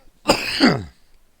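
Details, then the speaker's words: Single short, harsh adult cough with a rough, voiced tail, close to a throat clear, from a speaker whose chest cough will not go away. "excuse me coughing people but I"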